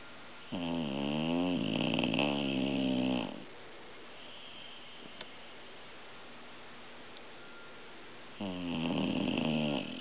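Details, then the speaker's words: Old pit bull, a shelter rescue, snoring in sleep: loud, long, rattling inspiratory snores, two about eight seconds apart with quiet between. "Sue's my sweet pit bull. What a snore pot."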